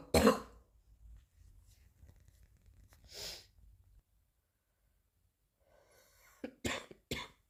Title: new cough 2